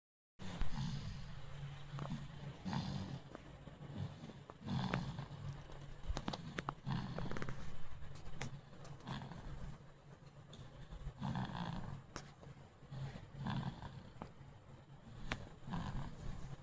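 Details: A baby boy snoring in sleep: soft, low rumbling breaths repeating every few seconds with snorty bursts.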